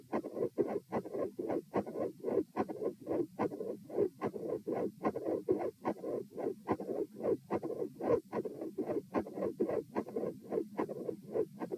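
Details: Heart sounds recorded at position M during an auscultation stress test (sitting, standing, lying; 90-108-72 bpm): regular beats near 72/min with a split S2 and a soft mid-systolic murmur, plus electrical disturbance.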